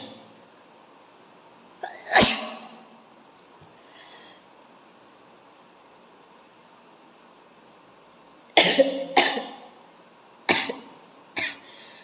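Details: Sneezing challenge, sneezes deliberately provoked with coir fibre or grass; five sharp explosive bursts, one at the start and four close together near the end, in a quiet room; sneezes.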